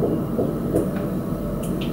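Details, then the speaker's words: Fetal heartbeat on Doppler at a dating scan around 9–10 weeks of pregnancy: a fast, whooshing, rhythmic throb, with the rate called completely normal for this stage. "mooi dan 270 slagen zo gewoon helemaal normaal voor deze termijn"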